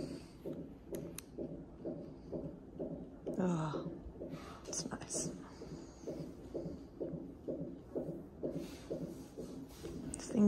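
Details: Fetal heartbeat on a monitor during a second pregnancy, during half-hour monitoring in hospital in labour: fast, steady whooshing pulses with quiet room sounds and brief background noise.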